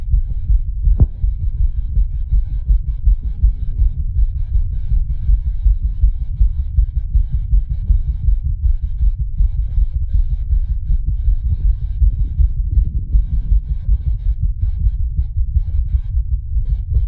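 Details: Creator's own racing heartbeat, set to a speeding-heart animation: fast, heavy, low thudding beats.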